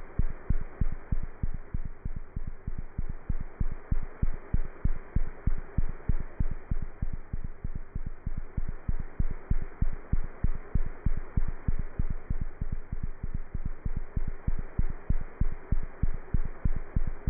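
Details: A cat's heart heard through a stethoscope: a fast, steady heartbeat at about 190 beats a minute, with a faint hum behind it.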